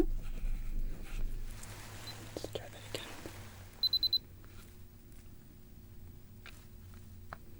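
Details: Quiet room with soft handling noises, then a short run of quick high beeps as an ear thermometer finishes an ear-canal reading, in a simulated ASMR clinical-trial temperature exam roleplay.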